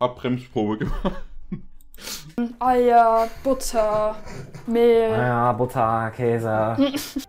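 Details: Person with Tourette syndrome in a German-language Tourette highlights excerpt; apparent vocal tics (Tourette syndrome).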